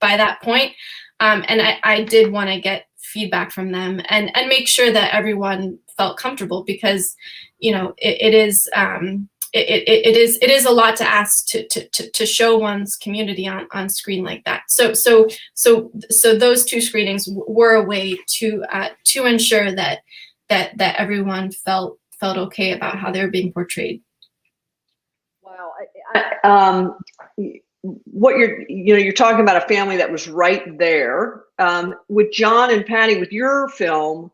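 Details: Stuttering in an adult female, real, who says she stutters sometimes, during a panel discussion.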